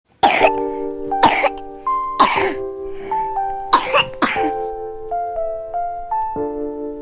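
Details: Cough.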